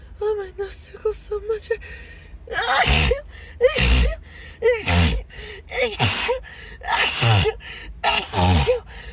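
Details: Acted, announced sneezing fit, sneezer apologizing and wondering if allergic to something: about six sneezes in quick succession, each with a gasping wind-up, over background music.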